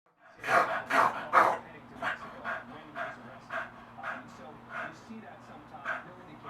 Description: My beagle Kato having one of his longer reverse sneezing episodes.